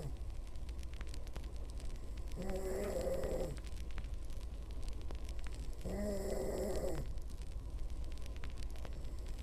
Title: my girlfriend snoring